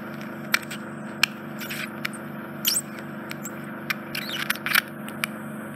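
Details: Endoscopic suction of a man's infected, smelly right ear canal occluded by dead skin and debris, stuck debris on canal wall: constant suction hiss with sharp crackles and pops as dead skin and debris are vacuumed.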